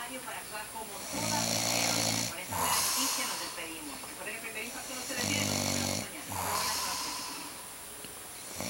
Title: dad snoring